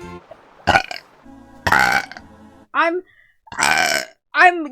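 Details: Several short loud burps separated by brief voiced sounds over faint background music; belching from a VTuber.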